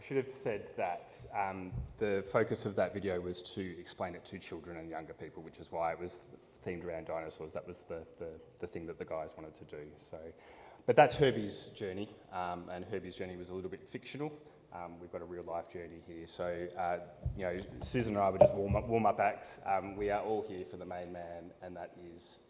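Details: Adult man speaking; typical speech.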